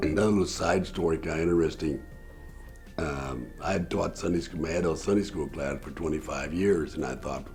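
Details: Total laryngectomy for throat cancer in November 2009 in a man; used an electrolarynx first, then a voice prosthesis placed about 4-5 months later and used since; tracheoesophageal speech.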